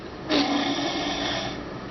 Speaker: hey uh next come back again it's like rage snoring now